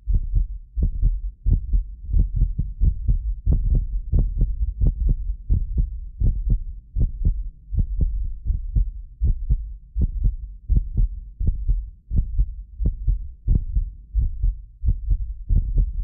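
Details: Heartbeat of a medically fit adult recorded with more than six precision contact microphones; steady low thumps at about 88 a minute, occasional doubled clicks from a 6 ms microphone delay, not disease; normal heart sounds.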